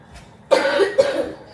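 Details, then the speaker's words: Adult woman with bronchitis, voice raspy, coughing while cooking. "And y'all, they got to excuse my voice if I sound real raspy today. I am still I got bronchitis."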